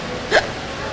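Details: A single hiccup from a young woman, who wonders whether eating sour, spicy pickled peppers caused it: a short, abrupt voiced catch over steady background noise.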